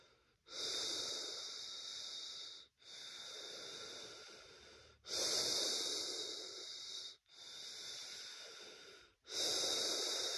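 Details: Person testing COVID-19 positive for the first time, breathing at rest with a chest that feels hard and a blocked-feeling trachea: loud, long, rushing laboured breaths about 14 a minute, each two seconds or more.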